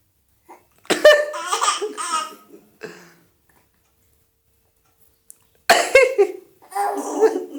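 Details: Deliberate coughs from an adult, each answered by a baby's giggling laughter; playful voluntary coughing.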